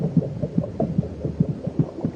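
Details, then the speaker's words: Muffled, overlapping low thuds of two heartbeats in a documentary simulation of what a fetus hears in the womb, the fetal heart racing at twice the speed of the mother's. "will also hear the competing thuds of heartbeats her own racing at twice the speed of her mother's both her constant companions threw her time in the womb"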